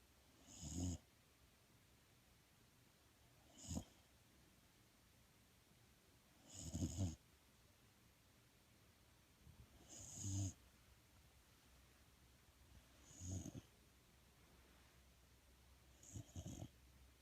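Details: Snoring: six low, rattling snores at irregular intervals, about 18 a minute, with quiet pauses between them.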